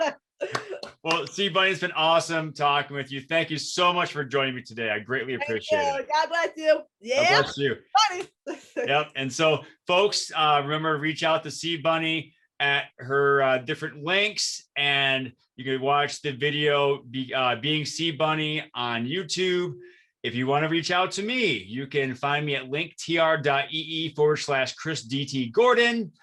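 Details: Adult male speaker; ordinary speech.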